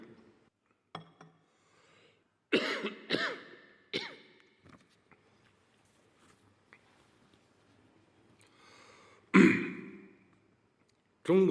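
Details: The Chinese President's coughing spasm during a live speech in Shenzhen, Guangdong, on October 14, 2020: several harsh coughs and throat clearings in separate bursts with quiet gaps between.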